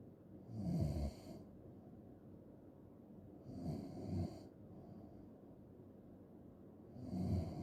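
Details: Low rattling snores at about 19 a minute, each with a short airy tail; loud snoring during sleep.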